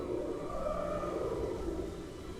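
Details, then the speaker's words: An adult who has barely eaten for a few days at a theme park has stomach growling that went on all night: a long, low, wavering rumble (borborygmi) over faint outdoor noise. "that's that's what my stomach sounded like all night and probably again tonight."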